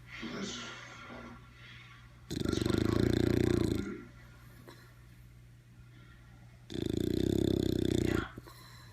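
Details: Bulldog snoring: loud, rough, vibrating snores on each in-breath, with quieter out-breaths between them; heavy snoring.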